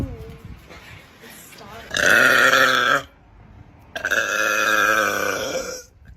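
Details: A woman's two long, deep, voiced belches, each about a second, with a pause between; burping.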